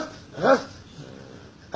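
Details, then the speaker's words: One harsh, bark-like vocal burst from a boy with suspected rabies, bitten by a dog about two weeks earlier, reportedly fully vaccinated, who began barking like a dog today. "got all his rabies vaccines but the patient started behaving this way today Adama behavior barking like a dog"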